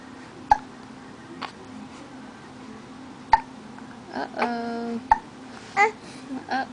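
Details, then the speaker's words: Infant boy with hiccups in the morning after a good night's sleep: sharp, abrupt hiccup clicks about every two seconds, three in all, between soft babbling, with faint music behind. "you have the hiccups yeah yeah you have the hiccups uh-oh hicups aren't very comfortable huh yeah"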